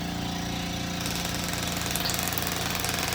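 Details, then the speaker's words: Rapid, steady mechanical tapping with a buzzing rattle from an EPAT shockwave therapy handpiece applied to a patient's marked painful heel for insertional calcific Achilles tendinosis, using sound and pressure waves. "and this again uses sound and pressure waves to stimulate healing"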